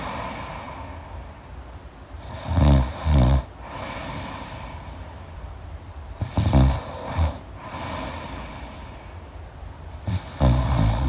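Low, rattling snores recur about every four seconds, roughly 15 a minute, each a fluttering, crackly inhaled rumble with quiet breathing between: deep-sleep snoring.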